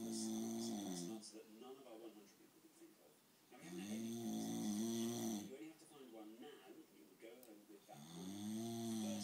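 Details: Person asleep, snoring with a television game show playing in the background: loud buzzing snores with tonal vibration, about one every four seconds.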